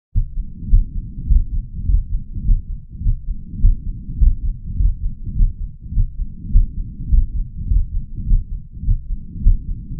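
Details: Fast, regular heartbeat with a low, rough murmur filling each beat: mitral regurgitation murmur due to infective endocarditis.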